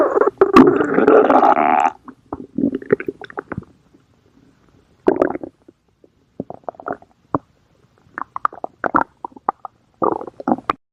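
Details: Stomach growling (borborygmi): a loud gurgling rumble, then scattered bubbly squelches and pops separated by quiet gaps.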